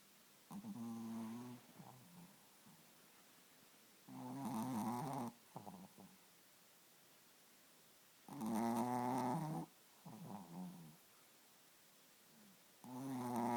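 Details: Sleeping chihuahua snoring: regular buzzing snores, about 14 a minute, with quiet pauses between them; dog snoring.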